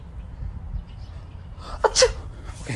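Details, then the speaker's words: Single sneeze announced beforehand: quiet room, then one sharp burst of breath with a voiced catch near the end. "Oh hold on one second guys I feel a sneeze coming oh"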